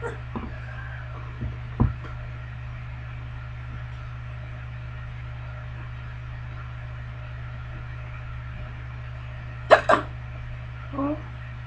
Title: hiccup part2